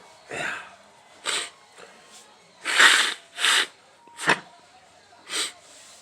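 A run of several sharp, forceful bursts of air through the nose and mouth in a quiet room, matching repeated sneezing.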